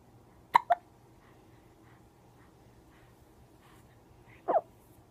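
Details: Sharp, brief hiccup sounds, two close together and a third a few seconds later, in a quiet room; hiccups.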